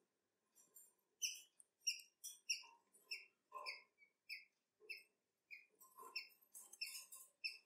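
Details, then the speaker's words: A male cockatiel with sudden-onset laboured breathing overnight makes short, high, squeaky wheezes with each breath, about 95 a minute, yet stays active; owner considers nostril infection or irritation as one possibility; the bird died minutes later. "you see that my cockatiel seems to to have some serious breathing problems but it doesn't seem to be too stressed"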